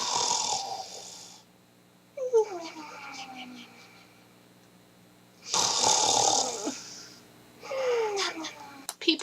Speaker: snoring may be the single most annoying thing on the face of this planet fog horns were meant for fog not for noses